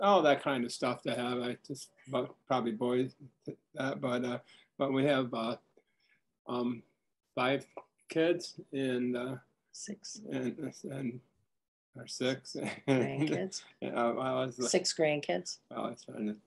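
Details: Retired man diagnosed with primary progressive aphasia last summer, who struggles to find words and has particular trouble with compound words; primary progressive aphasia.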